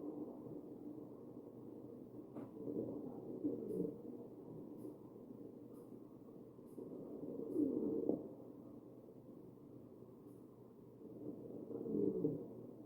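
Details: Wheezing heard over the chest of a real, mechanically ventilated patient.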